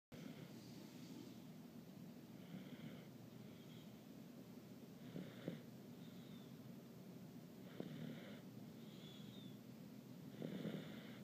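Soft, rhythmic snoring at about 20 to 23 breaths a minute, faint under steady background hiss.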